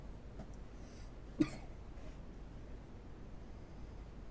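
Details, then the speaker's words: Adult man's single short, dry cough in a quiet room, attributed by him to stuffy air and poor circulation with the door shut; cough. "i'm coughing because a little bit of the air is getting kind of a little stuffy because that door is shut"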